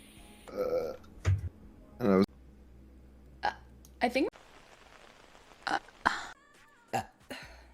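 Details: Compilation: about six loud, low, gurgling burps in quick succession, with brief bits of voice between; repeated belching.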